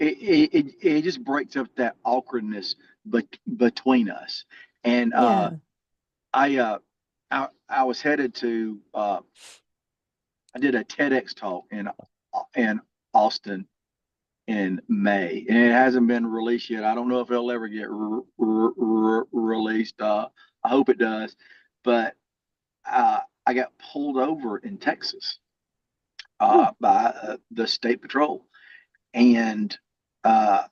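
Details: Lifelong stuttering in an adult man, more severe in childhood and variable now.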